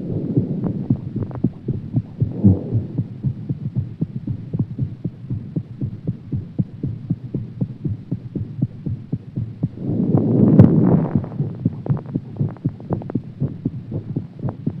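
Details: Fast, steady heartbeat at about 120 beats a minute with a low background hum; rapid heartbeat after exercise.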